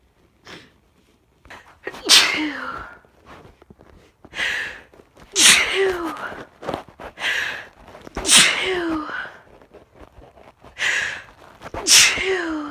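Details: Female sneezing in a series: four loud, explosive sneezes, each preceded by a sharp in-drawn breath; ordinary sneezing.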